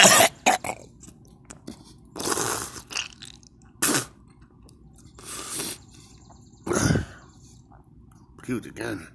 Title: me coughing and vomit